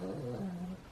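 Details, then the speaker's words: Brief, low, steady rumbling snore from sleeping dogs in a small quiet room, heard in the background. "if you can hear snoring in the background that is my dog magic and my grandmother's dog puppy they are fast asleep in here so that's the background noise you can hear it"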